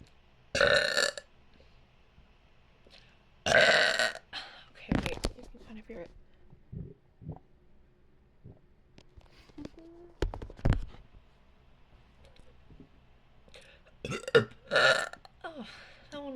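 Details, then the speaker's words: Deliberate burping after swallowing air: several loud, drawn-out belches, some shaped into words (burp-talking), with softer voiced sounds between. "I'm running out of error have to let it rise to the surface before I canvert more hold on I just had a slch [Music] there we go there's a big"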